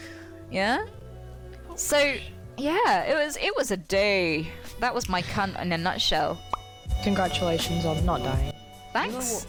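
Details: Involuntary coprolalic vocal tics in a woman with Tourette syndrome, interrupting her storytelling.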